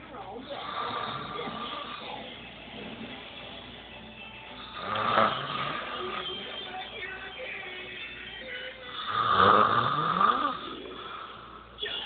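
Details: Daughter asleep: rough, rattling inspiratory snores, two louder bursts over faint background; snoring.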